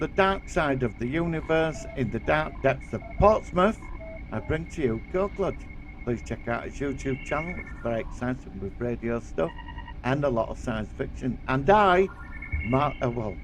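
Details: Adult male speaker; Normal voice.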